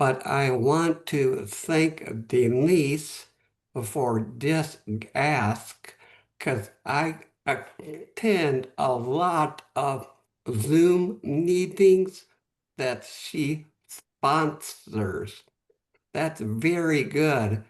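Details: Post-stroke aphasia in a man, stroke 11 months earlier; at first could say only one word, could speak a little after three or four months; real, unscripted speech.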